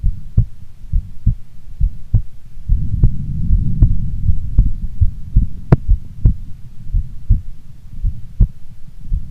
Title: Female Heartbeat Sound Before Sleep - Long File